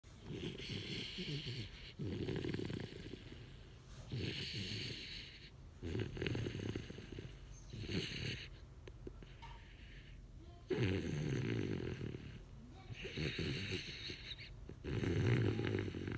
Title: Snoring puppy!